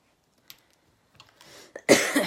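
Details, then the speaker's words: An adult's nervous cough while doing her makeup before applying a bold lip: a few soft clicks and a breath, then one short, harsh cough burst in a quiet room. "Can you hear my nervous cough? That's what happens when I get nervous. I cough, and I'm nervous about this bold lip."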